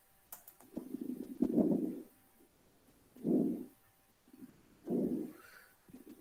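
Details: Crackles demonstrated in a pharmacology class on COPD and asthma, played through a speaker: repeated noisy breaths with brief popping sounds scattered through them, heard through slight room noise.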